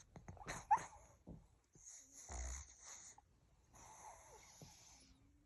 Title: Pug snoring like a dinosaur #puglover #doglover #aggressivedog #aggressivepug #trendingshorts